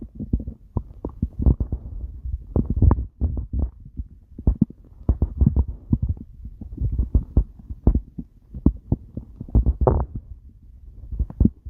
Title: stomach growling